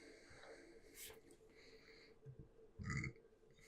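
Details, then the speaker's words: Adult speaker burp-hiccuping during conversation: a short, low, burp-like gulp over quiet room noise; hiccup with belching quality. "Excuse me. I'm like burp hiccuping tonight. Yeah, you can hear that."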